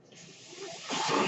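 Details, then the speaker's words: Mechanical ventilator breath cycle: a soft airy hiss that builds and swells louder as the speaker's own ventilator delivers a breath, heard during a podcast recording. "My name is. That noise you hear is my ventilator."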